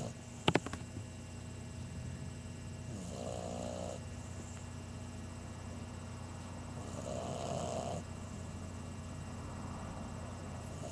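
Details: 11-week-old English Bulldog puppy snoring: two low rumbling snores with a fluttering rattle, about four seconds apart, over steady room hum.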